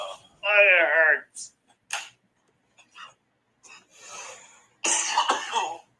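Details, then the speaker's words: Adult man (a fighter), ill the week before a fight: he groans, then gives several harsh, throat-clearing coughs with short gaps between them. "But anyways, here's the the cough that he gave to Meltzer in San Jose."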